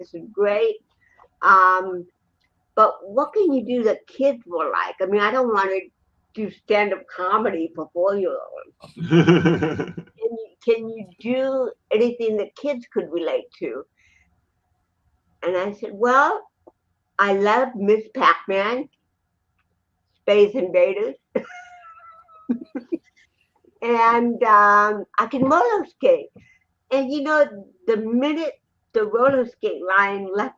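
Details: Dysarthria in a woman with cerebral palsy present since birth in 1956; real, not acted, conversational speech.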